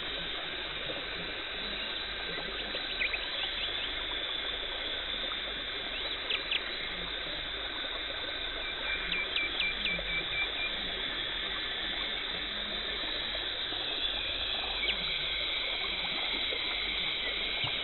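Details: Dental hygienist performing a professional teeth cleaning in a dental clinic, removing tartar and plaque, no talking: steady high hiss of water spray and suction with brief sharp instrument squeaks and clicks.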